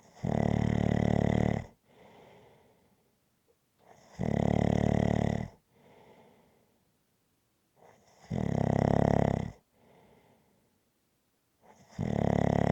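Loud, rough snores on each breath in, about 15 a minute, with quieter breaths out between them.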